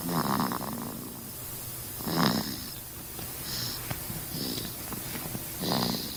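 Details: Baby snoring: soft, rattly snores with each breath, roughly four breaths over six seconds, with room noise.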